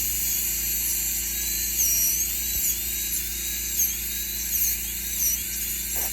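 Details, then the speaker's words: Dental drill with water spray during root canal access on tooth #19 through a PFM crown on a live patient: steady high-pitched diamond bur whine with hissing spray while approaching the pulp chamber. "drill through my brush with my diamond and then when I'm when I feel like I'm getting close and I switch to microscope and ultrasound"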